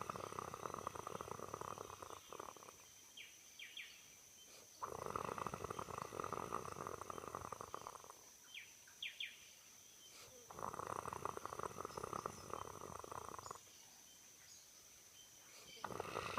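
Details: Loud rasping snores about every five seconds, roughly 12 breaths a minute, with quieter pauses between; a sleeping person snoring.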